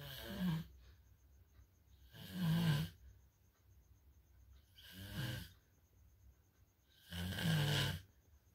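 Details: Heavy snoring described as level 3: four loud, rough, low-pitched snores about every two and a half seconds, with quiet exhalations between, over faint steady room noise.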